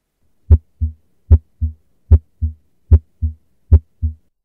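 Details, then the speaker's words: Normal heart sounds, lub and dub, best heard with headphones: regular paired beats at about 75 a minute, with nothing heard between beats. "bu Bakın bu normal kalp sesleri ile arkadaşlar"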